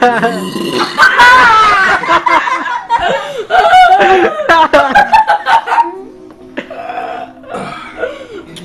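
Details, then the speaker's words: Long, drawn-out voiced belches with laughter and chatter during a deliberate burping contest; burping. "all right this is a burping contest shut up a burping contest"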